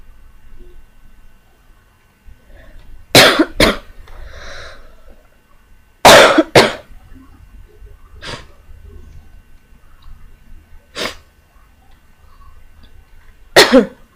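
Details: Lingering cough during recovery from an illness, with something still felt stuck inside: several separate coughs, some in pairs, with quiet gaps between them.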